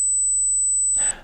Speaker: Furthermore, with the high frequency sound one can even determine your age. Let's try. It's likely that everyone can hear this